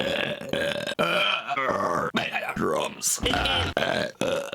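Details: Compilation of voiced belches gathered from many videos: several loud, drawn-out burps in quick succession, with a brief burst of room noise.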